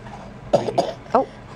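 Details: Cough from a big brother while holding his newborn sibling.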